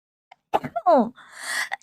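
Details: Streamer sneezing during a live stream, from a sneeze compilation: a short voiced intake followed by a sharp, breathy burst; a single sneeze.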